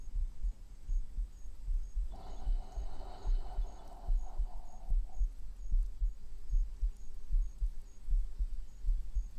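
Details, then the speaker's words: Heartbeat: steady low thumping at about 75 beats a minute, with faint background hum. "I'm just thinking about maybe I should record my own heartbeat for that video game that I've been procrastinating on making, so whenever there is like a scary moment and the heartbeat sound effect plays, you'll hear my heartbeat, but like average players wouldn't know."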